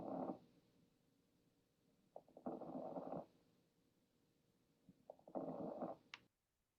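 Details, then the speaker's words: Crackles (rales): discontinuous, unconnected velcro-like popping clicks around each breath, heard through a stethoscope. "disc continuous to be crackles or rails where it sounds like velcro where the sounds aren't really connected but it's um disconnected sounds"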